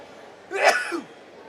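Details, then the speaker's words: Single abrupt adult sneeze from a basketball commentator, muffled and slightly distant after moving the mic away and covering the mouth, over low room noise. "I did the best I could, ladies and gentle. I moved the mic away from my face. I uh I covered my mouth."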